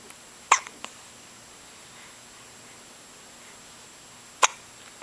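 Two brief, sharp, isolated clicks about four seconds apart over quiet background hiss, consistent with hiccups.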